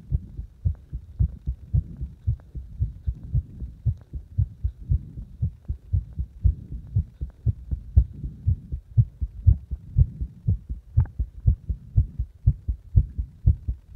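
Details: A heartbeat while the person deliberately made the heart speed up and slow down: steady low thumps averaging about 120 a minute, with the pace rising and falling over the clip.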